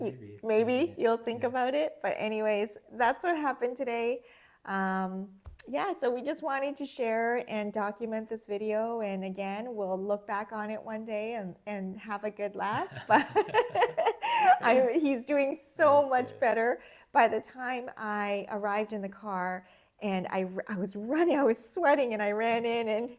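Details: Adult woman speaking; no speech disorder.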